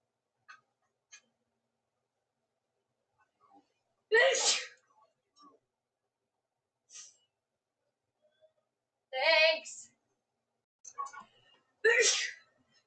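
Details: Woman's sneezing fit, edited into a 3½-minute loop: about three loud, sharp sneezes with smaller breaths and sounds between, in a quiet room.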